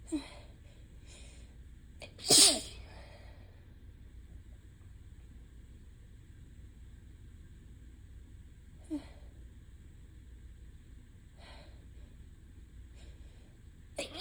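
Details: Person with ragweed allergy who is losing their voice: one loud, wet sneeze followed by quiet sniffs and breaths.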